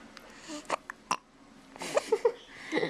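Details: Baby with hiccups: several brief throaty bursts, consistent with small burps, over quiet room noise; burping.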